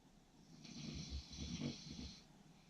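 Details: Snoring during sleep: one soft, rattling snore on a slow breath in, against quiet room noise.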